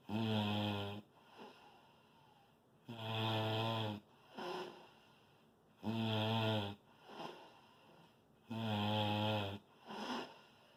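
Loud, rough snores on each breath in, with quieter breaths out, about 21 breaths a minute: heavy snoring.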